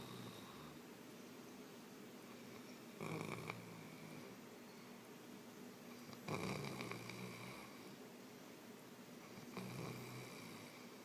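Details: Man snoring while asleep in Boracay: three loud, coarse, rattling snores about every three seconds over steady room noise.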